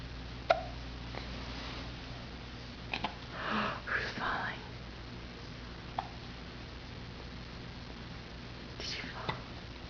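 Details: Hiccups while sitting on a couch before falling over into a front position: sharp, brief hiccup clicks at irregular intervals over soft whispering in a quiet room.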